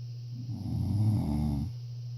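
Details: A single deep, fluttering snore on an in-breath; ordinary snoring.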